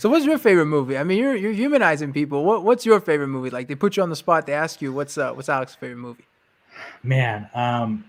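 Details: Adult male speaker; normal conversational speech.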